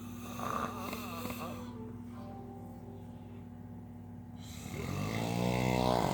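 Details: Man who insists he doesn't snore, recorded by his wife: rattling snores with music playing in the background.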